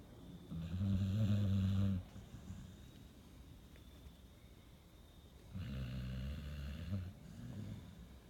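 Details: Sleeping Pit Bull dog described as having sleep apnea and restless leg syndrome: two deep, rumbling snores about three seconds apart with soft breathing between; snoring.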